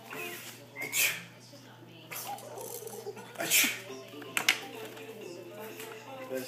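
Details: 10-month-old girl fake-sneezing on command, imitating her parent: a few small, sharp sneeze-like bursts with music and talk in the background; simulated sneezing.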